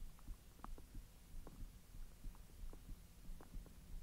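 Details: Frequent soft gurgles, bubbling pops and low rumbles over a steady hiss from the belly after eating hotdogs following 10 hours with an empty stomach: active bowel sounds of digestion.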